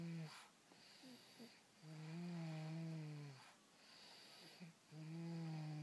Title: Snoring!!